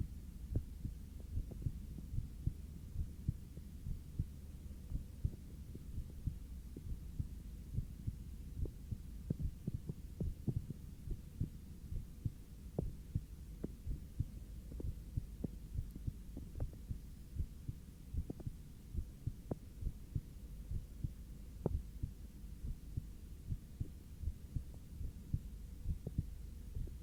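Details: Normal heart sounds recorded lying on back breathing normally: steady, regular paired heartbeat thumps over a low background hum.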